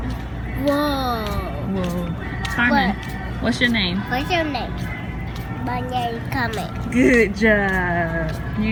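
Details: Girl about 3 years old with severe echolalia and severe speech and language delay, tested negative for autism, repeating the question before answering; echolalia.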